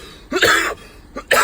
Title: Rare Coughing after a Drip of Rusted Sticker Removal Fluid into Soup